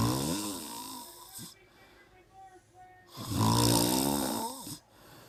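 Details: Two loud, rattling snores with a quiet exhale between them, in a small room.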